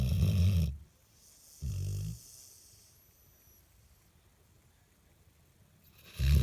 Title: Dale- The Snoring Labrador 😁